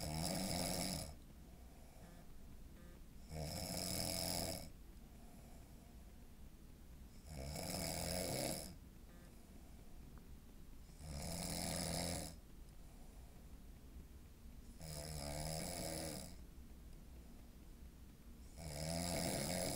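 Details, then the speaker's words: Man with a deviated septum, apparently not fixed by prior surgery, snoring in his sleep: loud, regular rasping snores, about 16 breaths a minute, with quiet exhalations between them. "I don't think the deviated septum got fixed. Sounds like I might need to go back for a little more surgery."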